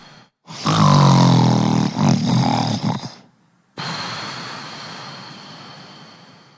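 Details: A snoring sound effect: a loud, rough, growling snore on a long breath, then a fading exhale.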